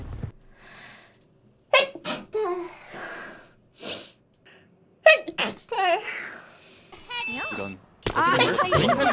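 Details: Compilation of a streamer's sneezes: several short explosive sneezes with sharp intakes of breath, broken up by brief vocal sounds, some music and room noise.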